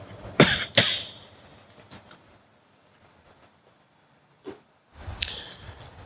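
Two sharp coughs in quick succession from an adult, then a few softer throat sounds, in a quiet room with low background noise.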